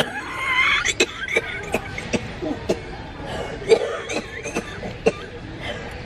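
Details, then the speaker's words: A run of about nine short, sharp coughs in quick succession from an adult woman with cystic fibrosis, heard in public; cough in cystic fibrosis. "[woman] You sound like I did! Have you been checked? Cuz they put me on an inhlaler. Oh, she has cystic fibrosis."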